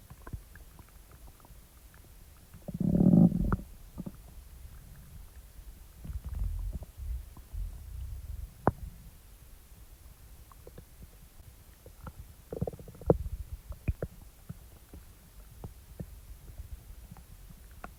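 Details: Quiet low gurgles with a couple of louder, longer growls and scattered small pops; ordinary stomach rumbling (borborygmi) after eating.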